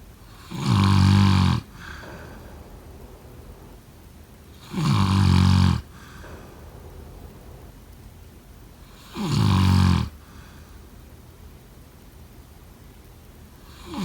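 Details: Loud, rattling snores on each in-breath about four seconds apart (roughly 14 a minute), with quiet breathing out between; snoring.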